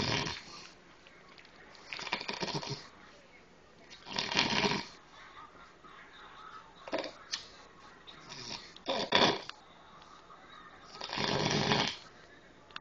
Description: my homeboy snoring his ass off!